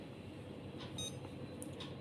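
A brief high electronic beep over quiet room hum, a keypad confirmation tone from a blood gas analyzer.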